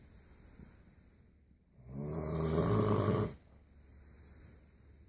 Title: Worlds Loudest Snoring